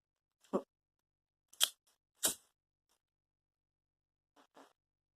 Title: SMOKING A TAKIS CHALLENGE!!!! (COUGHING)